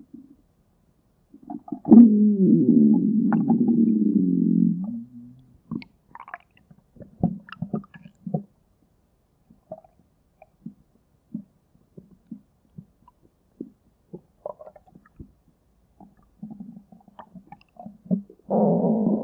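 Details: Stomach growling (borborygmi): a long, low gurgling rumble followed by scattered short gurgles from gas and fluid moving.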